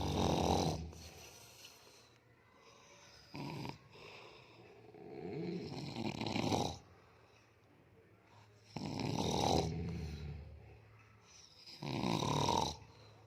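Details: Grandfather and uncle (elderly man, adult man) sleeping: loud, rough, low snoring breaths about 20 a minute, somewhat irregular, in a quiet room; snoring.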